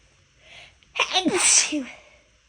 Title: (failed) chhinkni holdback sneezes